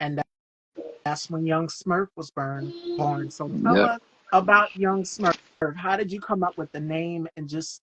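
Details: Adult speaker, interview; normal conversational speech.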